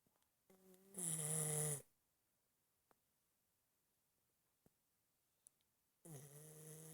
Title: Nala Snoring